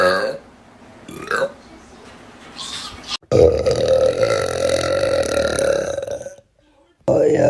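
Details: Girls burping hard, TikTok short: brief voice sounds, then a long, loud, sustained voiced burp, with another burp starting at the end; burping.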